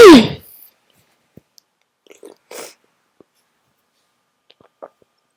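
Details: One loud, explosive sneeze from a strong sneezing fit, followed by faint breathing and small noises; sneezing.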